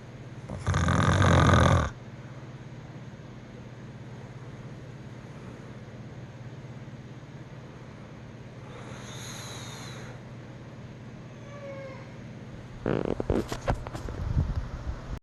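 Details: Sleeping woman who denies that she snores: one loud, rough, low snore, then a long quiet pause and a fainter snore. Snoring.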